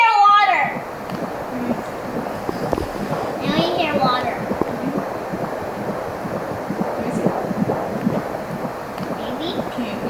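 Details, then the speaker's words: Fetal Doppler on the pregnant mother's belly with a home Doppler: watery whooshing with irregular soft thumps as the baby girl swims around, and a kick heard. "oh she swimming in the water she's swimming in mama's belly she's swimming around is that cool here let's see if you if I still have oh I just heard a kick she kicked"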